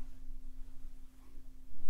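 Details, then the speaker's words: Soft, steady pure hum of a struck C tuning fork for a hearing check in a simulated doctor roleplay, ending in a brief handling noise. "I'm gonna whack it and run it over your head. This is for your ears, for your hearing, in case you hadn't guessed."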